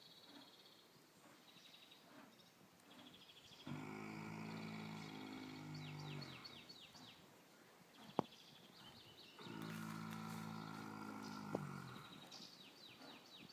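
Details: Sleeper giving two long, low, rattling snores about six seconds apart, with birdsong in the background.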